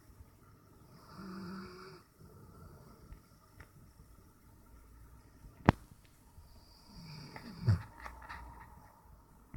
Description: is pure relax mode, snoring on the couch on a warm Summer afternoon :heart: